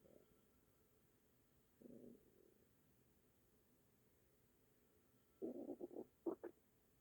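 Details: Quiet night recording with a few soft gurgling rumbles and a short run of bubbling pulses near the end; ordinary stomach rumbling (borborygmi).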